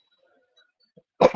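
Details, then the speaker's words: After near silence, a single abrupt, harsh hacking cough from an adult, cut off mid-sound; the speaker calls it a hack and wonders how it sounds when he sleeps with the mic muffled. "See that hack I just made? So what do you think it's going to sound like when I go to sleep and the mic's muffled and you hear it?"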